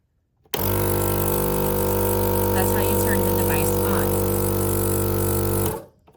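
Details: Home care portable suction machine switched on for operation check: loud, steady motor drone with constant hum runs, then stops; normal operation.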